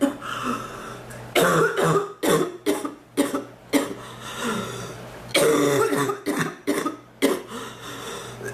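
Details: About eight harsh coughs in clusters with brief pauses in a quiet room; person reports coughing hurts her back more than chest, cough waxing and waning, drying up a little.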